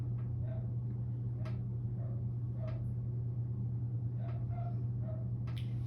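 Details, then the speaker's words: Normal bowel sounds on stethoscope auscultation of an adult male's abdominal quadrants, about 6–8 seconds each, patient lying flat, no GI issues: soft, irregular gurgles and clicks over a steady low hum. "the patient does have bowel sounds and he could have hypoactive or hyperactive bowel sounds or he could have no bowel sound which is very uncommon"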